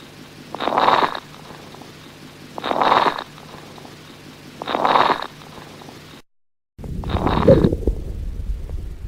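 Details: Breath sounds at about 29 breaths a minute with crackles, brief popping sounds.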